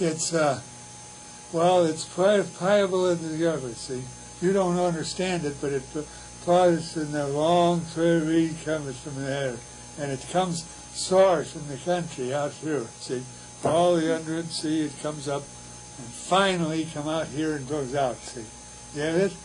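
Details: Wernicke's (fluent) aphasia, fluent but largely meaningless speech; Wernicke's aphasia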